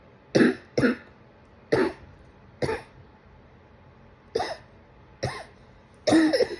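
Seven short, forceful cough bursts at irregular intervals in a quiet room, the last one longer and cut off at the end; an adult coughing.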